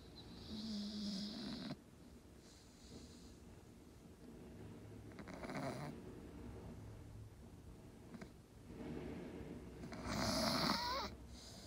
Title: Staffy snoring video 8